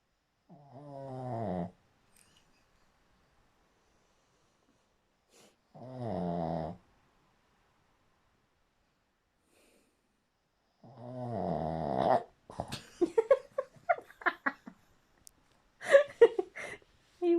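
Three loud, buzzing snores on breathing in, about five seconds apart (roughly 12 breaths a minute), then brief rustling and clicks.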